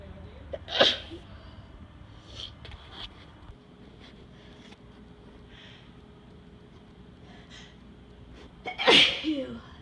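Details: Two forceful explosive sneezes several seconds apart after a workout, while sitting outside at night; sneezing began driving home from the gym and wouldn't stop; sneezing.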